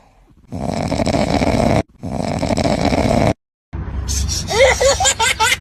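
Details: Sleeping dog snoring: two long, rough, noisy breaths, then a short snort-like burst with higher whistling sounds.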